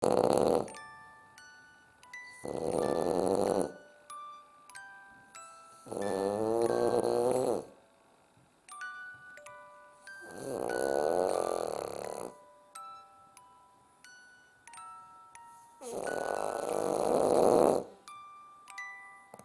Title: French bulldog sleeping/snoring loudly